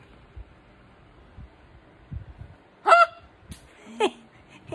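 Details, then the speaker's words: Very strong, loud hiccups right after a seizure: two loud, abrupt, voiced gulping sounds a second apart over quiet room noise. "i'm sorry for laughing but those are so loud are you okay"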